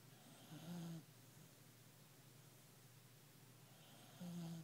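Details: Bailey the dog snoring while asleep: two loud, low rumbling breaths about three seconds apart, with quiet breathing between.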